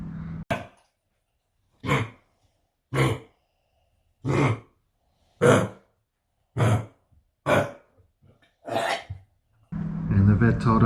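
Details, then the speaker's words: Yellow Labrador puppy, vaccinated against kennel cough, coughing badly overnight (first mistaken for vomiting), vet says probably kennel cough: a run of about nine harsh, forceful coughs. "that it was probably coughing not vomiting this is something called kennel cough"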